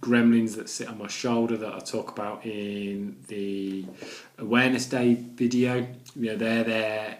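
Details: Adult man with a stammer, with blocks and repetitions in his speech: stammering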